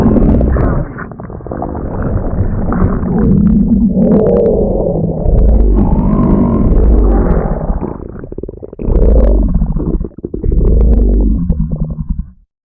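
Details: Loud, long, low rumbling and gurgling from the belly in several waves; stomach growling, or borborygmi, a normal gut sound.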